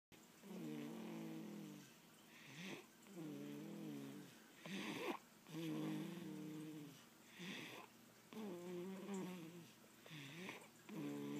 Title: More snoring baby